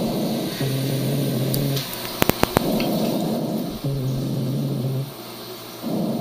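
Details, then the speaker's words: Rhonchi: low-pitched, snoring-like continuous sounds recurring with breathing, predominating in one respiratory phase, originating in large-calibre airways such as the trachea and main bronchi; teaching recording from a chest examination lesson. "vamos a escuchar un sonido predominantemente lo que predomina en la fase de la aspiración y vamos a vamos a escucharlo aquí lo tenemos"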